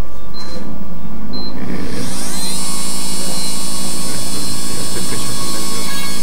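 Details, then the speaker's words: Reduction rhinoplasty: a micromotor drill bores holes in the nasal spine under water irrigation to prevent burns, before fixing the caudal septum; a steady high mechanical whine runs continuously with faint room noise. "So I'm going to make a drill hole in the nasal spine."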